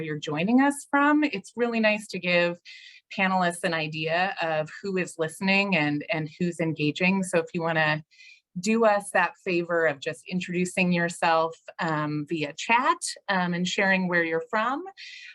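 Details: Adult woman speaking; Normal speech.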